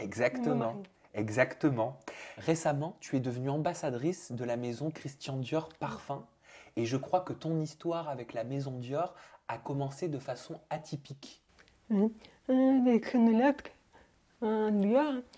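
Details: Adult speakers in conversation, French; ordinary speech.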